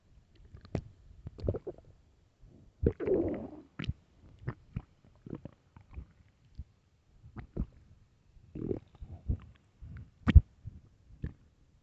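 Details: Loud hunger stomach growling, described as starving: irregular gurgles, squelches and low rumbles from the belly; borborygmi.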